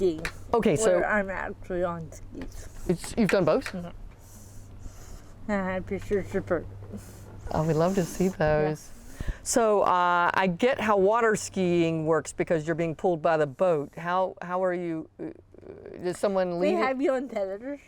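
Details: Adult speakers in conversation; conversational speech.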